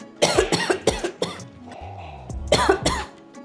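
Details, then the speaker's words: Simulated cough acted by an adult for a preschool hygiene lesson, turning the head to one side and coughing into a handkerchief: about six short, dry, deliberate cough bursts with soft background music. "ನಿಮ್ಮ ತಲೆಯನ್ನು ಒಂದು ಬದಿಗೆ ತಿರುಗಿಸಿ ಮತ್ತು ಕೆಮ್ಮಿ ಕೆಮ್ಮಿದ ನಂತರ ನಿಮ್ಮ ತಲೆಯನ್ನು ಹಿಂದಕ್ಕೆ ತಿರುಗಿಸಿ"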